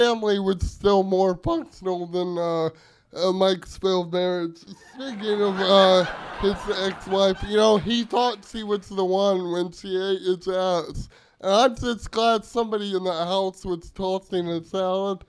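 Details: Adult male comedian with cerebral palsy who uses a wheelchair, performing roast jokes on stage; opponent calls his voice slow; dysarthria (cerebral palsy).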